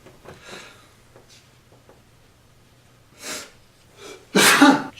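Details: Person's sneezing: a breathy in-drawn build-up and a smaller sneeze-like burst, then a loud explosive sneeze, one of several sneezes in a row.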